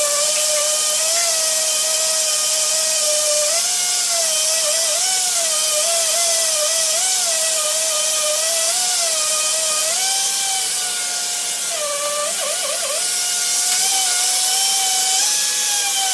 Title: Dentist Drill Sound Effect